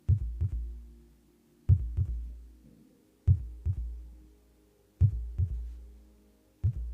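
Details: Deep, echoing lub-dub heartbeats at a slow, steady pace of roughly 36 beats per minute, with no talking; normal heartbeat.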